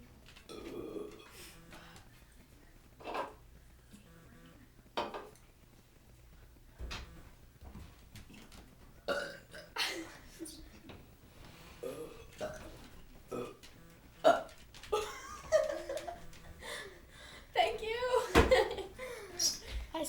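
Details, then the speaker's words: Voices in a burping contest: repeated loud voluntary burps in a small room, with brief laughter and voices in between. "right hey hi let's have a burping competion go"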